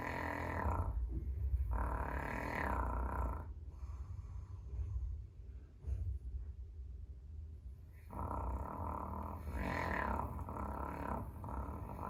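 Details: Caucasian Shepherd (Ovcharka) dog snoring while lying in an entryway, fairly mild this time: low rumbling, rattly breath noises with a quieter gap between two loud bursts.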